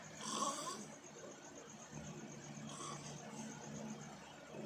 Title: dangerous snore